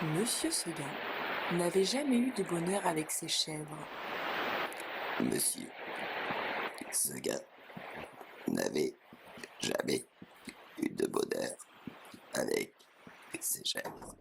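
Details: Female speech-language therapist specialising in head and neck cancer demonstrating esophageal voice, the voice taught after total laryngectomy, by trapping air in the upper esophagus and releasing it; esophageal speech (demonstration).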